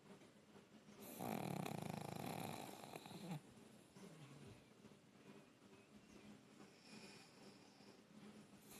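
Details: Female pug dog snoring: a loud, rattling snort on the in-breath, followed by quieter snuffling breaths.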